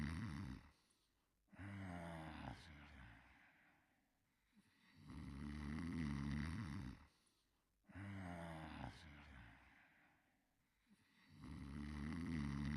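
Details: Cartoon (simulated) snoring of the dog character Clifford while sleeping: slow, loud, rattling, buzzy snores about ten breath cycles a minute, separated by quiet pauses.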